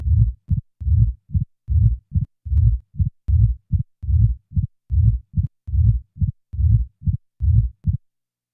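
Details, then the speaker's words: Simulated mitral stenosis at about 74 beats a minute: loud first sound, then a low rumbling presystolic accentuation rising into the first sound, with an opening snap added and the early diastolic murmur removed, leaving only the presystolic portion. "now a pre systolic accentuation is added followed by an addition of an opening snap now the early portion of the diastolic murmur will be eliminated leaving only the pre systolic portion"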